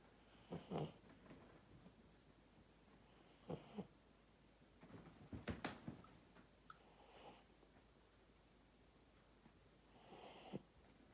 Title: Snoring puppy!